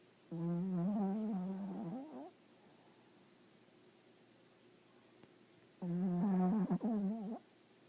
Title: Little Dog Snoring Like a Human